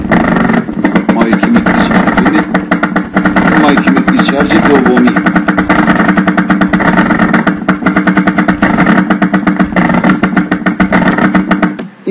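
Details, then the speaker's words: Rapid repeating bursts with a rumbling, engine-like quality from the needle EMG speaker: myokymic discharges, a spontaneous abnormal muscle activity. "This example is a little longer than previous example I'm changing the time base. you see the typical shape Another example As you see, the interval between MUAPs are irregular"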